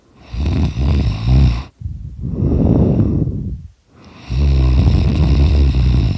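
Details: Person snoring very loudly during a nap, briefly recorded before being woken: loud, low rattling snores with a brief pause between breaths, pitch rising and falling across each breath.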